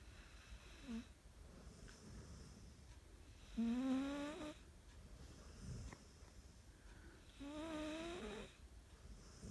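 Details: Sleeping dog snoring: soft whistling, rising snores on the in-breath, repeating every few seconds over quiet room noise.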